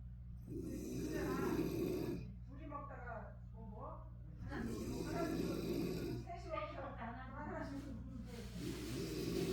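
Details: Mother snoring in her sleep, recorded in childhood about 50 years ago: loud, rattling snores on each breath with a raspy, fluttering quality over a steady low room hum; heavy snoring.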